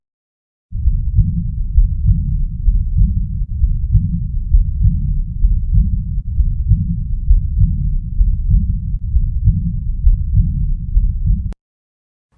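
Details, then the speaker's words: Heart auscultation example: regular low heart sounds with a gentle, soft, subtle early diastolic blowing murmur just after the second heart sound; aortic regurgitation murmur. "see if you can hear it after the second heart sound a gentle soft early diastolic mama"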